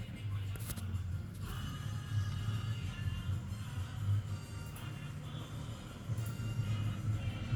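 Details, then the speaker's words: Rapid, rhythmic whooshing fetal heartbeat heard over the fetal back on the examiner's left side in a 12th-week semiology class, after Leopold maneuvers show cephalic presentation; mother has edematous legs and feet. "vamos a escuchar con el pinner los latidos fetales del bebé."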